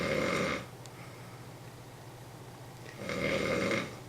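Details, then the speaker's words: Heavy snoring in an adult man sleeping on his side in a shared convention hotel room: two loud, rough, rattling snores about three seconds apart, with quiet breathing between them. "there's that one guy that snores listen to that it sounds painful"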